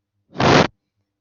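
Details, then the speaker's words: Teaching imitation, without stethoscope, of a stenotic heart murmur: a single harsh, rough, low-pitched whooshing burst; stenosis murmur is lower-pitched than insufficiency murmur, reflecting turbulence, loud enough at grade 6 to be heard without a stethoscope. "¿Qué es lo que quiero que se acuerden? En la estenosis, el soplo es más grave."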